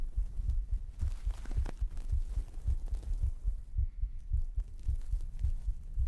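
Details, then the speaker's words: Heartbeat from a pre-recorded recording played during an ASMR stream, likely via a 3Dio binaural microphone: muffled low thumps repeating steadily, partly masked by rustling handling sounds; heartbeat. "So, thank you for giving us up to stream elements obviously excluding heartbeats because that's already happening."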